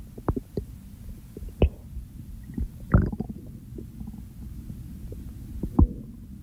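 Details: Real hunger-phase stomach growls: irregular low gurgles and rumbles with a few sharper pops over steady low noise; ordinary hunger borborygmi.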